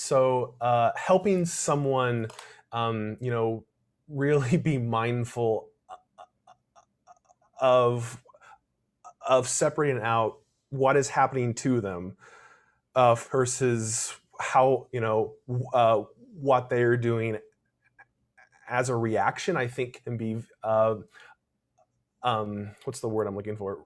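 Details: Adult male speaker; stuttering.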